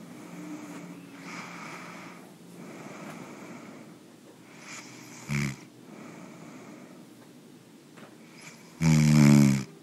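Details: Soft, low, rhythmic snoring breaths during sleep in a quiet room, ending in a louder burst of noise: snoring.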